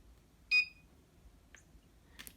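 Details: Home medical device in a bedroom being switched off or adjusted so it does not alarm: one sharp high electronic beep, then faint clicks and chirps in a quiet room.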